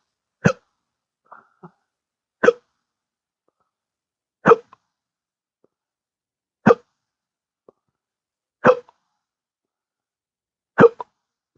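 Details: Adult with intractable hiccups, unresponsive to current treatments: six abrupt, gulping vocal catches about every two seconds, roughly 30 a minute; persistent hiccups (intractable singultus).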